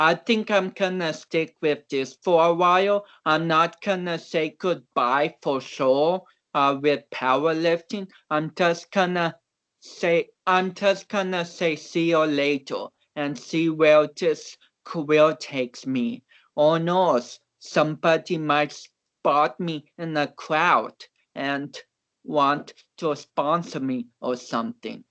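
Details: About 29-year-old male athlete with cerebral palsy, reportedly not expected to walk or talk; real conversational speech, transcribed with many garbled words, showing dysarthria due to cerebral palsy.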